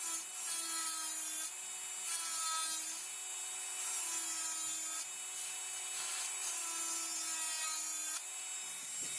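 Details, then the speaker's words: High-speed dental handpiece's steady whine, pitch shifting slightly as the bur connects the grooves into a flat mesial plane on the mesiobuccal cusp. This is occlusal reduction of a typodont mandibular first molar (#36) for a full veneer crown. "I have finished my mesial planar reduction for the mesiobuccal cusp. If you can notice, like I have connected the grooves, or I have made a flat plane following the depth of the groove which I have made on the cusp tip."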